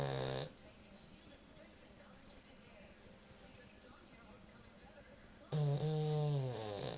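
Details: Pug snoring: loud, low, droning snores at the start and end, with quiet breathing between them.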